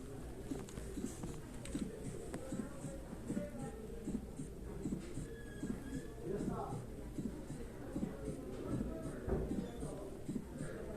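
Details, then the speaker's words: High-pitched, sharp, loud aortic ejection click just after the first heart sound, both heart sounds clearly heard, regular rhythm about 77 a minute; teaching audio for valvular disease (early aortic stenosis, no calcification yet). "¿Se dan cuenta? Se escuchan claramente los dos ruidos y se escucha el clic eyectivo. Se escucha de tono alto, o sea, es fuerte."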